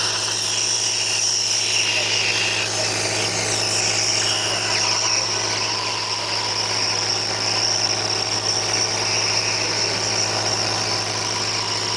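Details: Thomas Medi Pump nebulizer compressor running.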